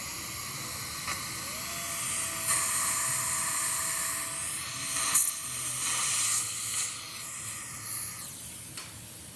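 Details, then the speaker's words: Steady high hiss and faint whine of a pilot drill, briefly interrupted, preparing a dental implant site through a stent on a very thin jaw ridge. "We'll then take the stent, and I'll take the pilot drill. It's going to see that angulation. Hold that tight. And my pilot drill should go right back into that hole that I made with a diamond."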